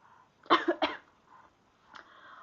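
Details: Cough: two to three short, harsh bursts; a 5-month-old infant is recovering from a chest cold with audible lung rattling, and his mother is recovering from laryngitis and a chest cold.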